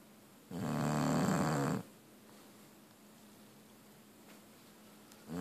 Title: Chopper the bulldog snoring